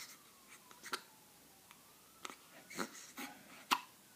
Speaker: Oh, my baby have the hiccups.